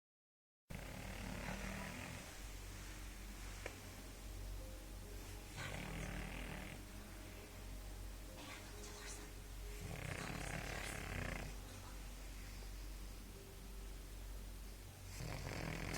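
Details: Pug dog: rhythmic, rumbling snoring with noisy airflow bursts every few seconds over steady low room noise; snoring.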